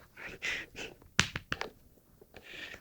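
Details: Black French bulldog puppy, 5 months old, in deep sleep on a sofa: noisy, hissing breaths broken by a few sharp snorts, snoring through a narrowed airway.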